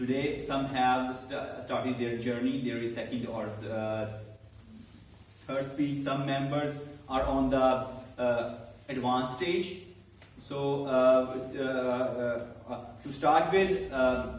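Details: Adult man who stammers and has learned to accept it, hosting a live meeting of a speaking club for people who stammer; stuttering.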